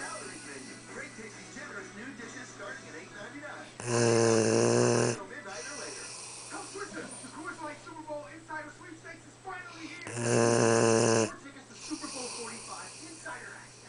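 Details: Tired dog snoring in sleep: two loud, long buzzing snores about six seconds apart, with music and a television in the background.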